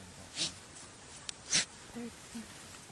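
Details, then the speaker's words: Unvoiced, sneeze-like sounds from African wild dogs in the Okavango, recorded during social pack rally events. "And sometimes the dogs make these strange sounds. It is really odd. The sounds they make are unvoiced, kind of like sneezes."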